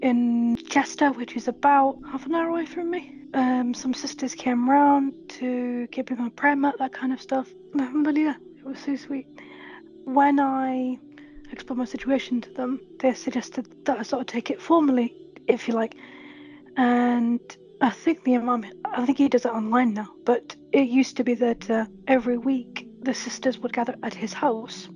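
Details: Adult woman with a stammer; she says it is very mild when reciting Arabic and worsens with new words she struggles with; stammering.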